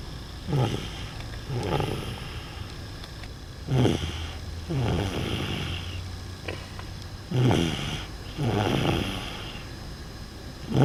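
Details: Dog sleeping in a car, snoring rhythmically: low snort on each in-breath and softer rumble out, with faint car noise; ordinary snoring.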